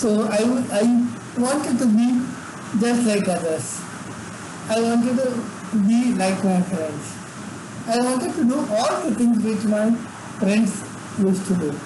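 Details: Adult man with severe cerebral palsy from birth, involuntary tremors in all parts of his body, unable to talk until age eight; dysarthric speech in cerebral palsy, speech disorder not named directly.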